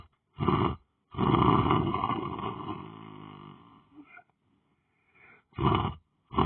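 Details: Snoring from a person lying down on the floor, asleep or meditating: loud, rough, rumbling breathing noises in irregular bursts with pauses between them; heavy snoring.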